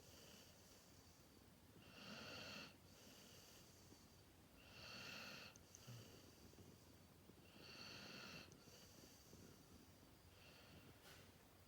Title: Snoring doggy Masha 💤